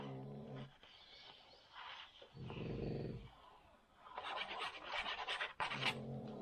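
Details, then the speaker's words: Low, rumbling irregular snores from two small dogs sleeping nearby in the room, with paper rustling between them: ordinary dog snoring. "Je suis désolée, vous entendez ronfler, mais ce sont mes 2 petits chiens."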